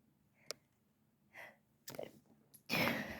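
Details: Mostly wet, intense sneezes with some stifle attempts: quiet room, a few muffled, held-back sneeze bursts, then one full, wet-sounding sneeze; sneezing.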